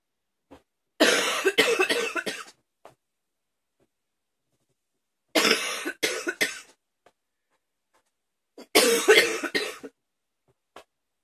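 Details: Three bursts of hard, harsh repeated coughs, several in each burst, separated by quiet pauses; afternoon coughing fits leaving the person tired.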